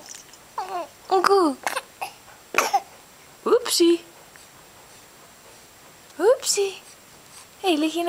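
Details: A just-woken baby coos and babbles in a quiet room, broken by a couple of brief, sharp cough bursts; an infant cough.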